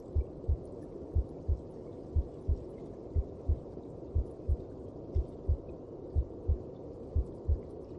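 Steady deep paired thumps at about 60 beats a minute over a soft whooshing hum; a heartbeat as heard from inside the womb.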